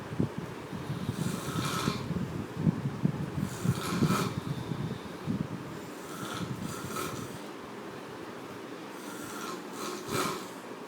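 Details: Person in heavy sleep snoring loudly: harsh, rasping snores with snorting, about four breaths in eleven seconds.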